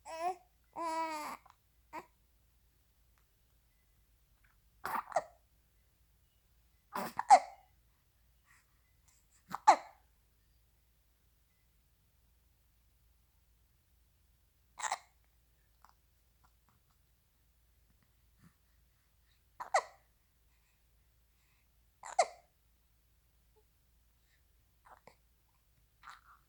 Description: Poor baby has the hiccups